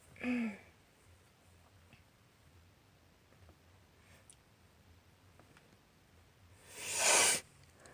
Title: Loud allergy sneezes and sniffles (F)